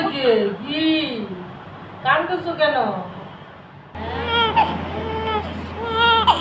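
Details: An infant cries in several rising and falling wails, some fussy and broken, in a small room.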